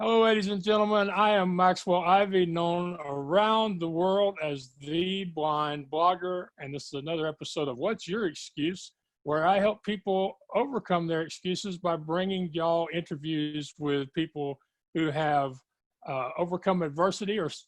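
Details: Adult male speaker; normal speech.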